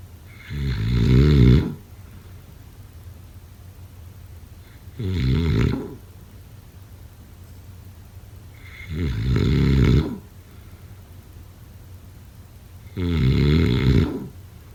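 Loud, rumbling snores recur about every four seconds, roughly 15 breaths a minute, with quiet pauses between.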